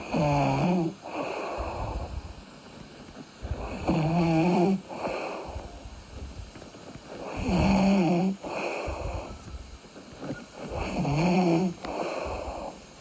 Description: Real snoring with breathing and a little sleep talking